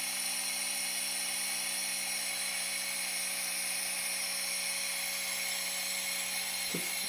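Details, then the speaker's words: Small portable nebulizer running with only water, not medication: steady high-pitched whine with constant hiss, fairly quiet operation, brief click near the end. "you go you can kind of see it a little bit this is it mixes pretty well it goes really smoothly it's not that loud for the nebulizer"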